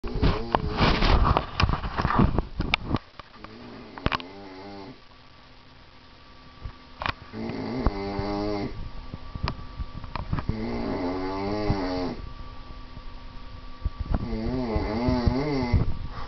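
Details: Adult asleep on a couch after a night of drinking: repeated rumbling, buzzing snoring breaths, each several seconds long, in a quiet room.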